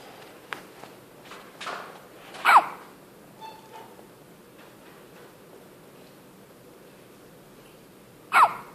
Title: Sweet baby has hiccups